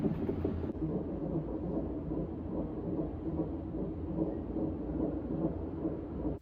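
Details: Fetal heartbeat on a Doppler monitor: a rapid whooshing, galloping pulse at about 146 beats a minute over a steady low rumble.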